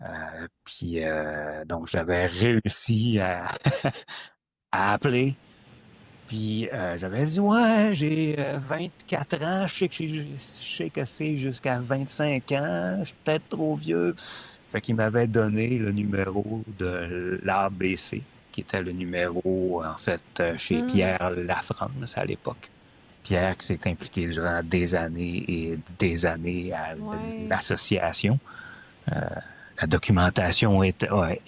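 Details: Adult woman who stutters, a member since 2015 of an association for people who stutter; stuttering.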